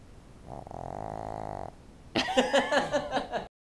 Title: Peach snores HARD